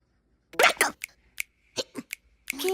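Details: Hiccups in a baby girl after drinking milk, repeated short rhythmic hiccup sounds.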